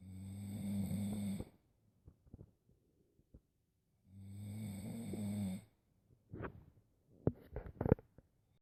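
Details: Snoring: two long, low rattling snores on breathing in, each about 1.5 seconds, with quiet breathing and small clicks between them.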